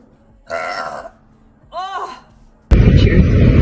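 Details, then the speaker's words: Two voiced belches from a girl who drinks Coke, the second with a rising and falling tone, then a sudden burst of loud noise; she says burps sometimes feel stuck. "Sometimes it feels like the burps get stuck and then I don't enjoy myself."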